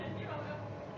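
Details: Foreign accent syndrome in a woman, heard in a replay of a short phrase with altered vowels and shifted stress.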